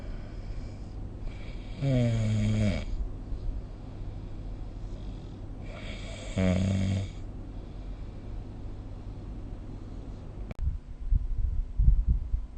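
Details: Snoring recorded with the SnoreLab app: two loud, rough, rattling snores on in-breaths about four seconds apart, roughly 14 breaths a minute, with quiet breathing between.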